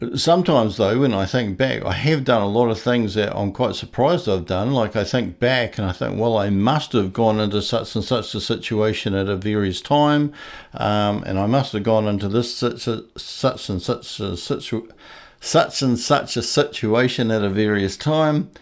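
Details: Adult man who stutters, first identified as stuttering around the start of school; audible part-word repetitions and revisions; stuttering.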